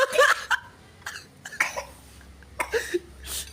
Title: NGELAK MINUMNYA SAMPAI TERBATUK BATUK